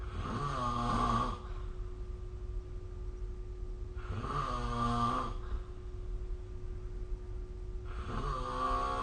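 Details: Snoring recorded with the SnoreLab app: three loud, rough, buzzing inspiratory snores about every four seconds (roughly 15 breaths a minute), with quiet exhalations and a faint steady background hum.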